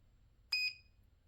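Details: A single short, high electronic beep in a quiet room as a button is pressed on an LW-007A ultrasound therapy machine with 1 MHz and 3 MHz heads; device beep.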